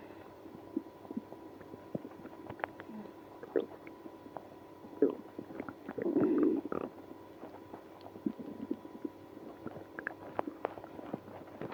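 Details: Stomach growling in a person with irritable bowel syndrome after drinking milk and prune juice. Scattered gurgles and clicks with one longer rumbling growl midway: active bowel sounds, borborygmi.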